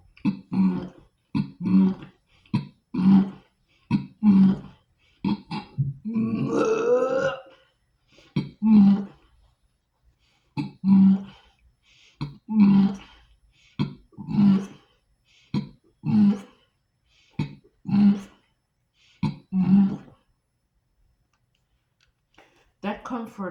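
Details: Woman with Tourette syndrome; repeated throat clearing and groaning interrupting her sentence; vocal tics (throat clearing and groaning) in Tourette syndrome.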